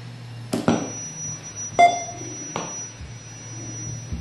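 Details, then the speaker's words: Sharp clicks and a short electronic beep over a low steady hum as a Lotus LT-800+ handheld fetal Doppler is switched on, after ultrasound gel is applied to the lower abdomen; power-on sound. "Nah, kita oleskan pada bagian perut tersebut. Dan kalau sudah, kita onkan alatnya terlebih dahulu."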